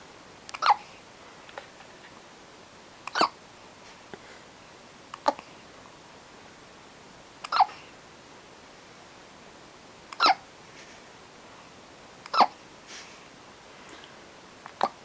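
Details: Short, sharp hiccups that sound like a squeaky toy, recurring every two to three seconds, six clear ones in fifteen seconds, in a quiet room: hiccups.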